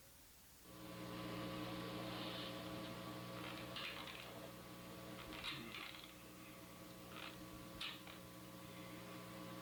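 Brief harsh grating and scraping bursts over a steady electrical hum, consistent with teeth grinding during sleep: sleep bruxism.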